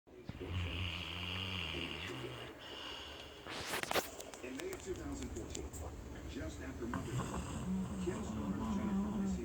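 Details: Brindle pitbull dog snoring: low, buzzing, rattling tone on each breath with snorty nasal sounds and some room noise.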